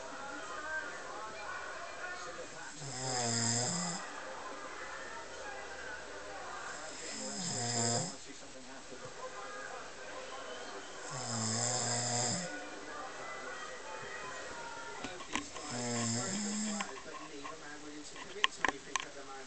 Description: snoring when you apparently dont snore is a huge talent